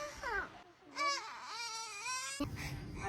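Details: Baby briefly crying with a high-pitched wail that rises and falls, then background noise, in a clip of babies reacting to sneezing; infant cry.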